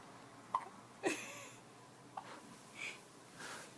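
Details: Twins hiccuping at the same time: several short, sharp, irregular catches over a few seconds in a quiet room, about two a second at most.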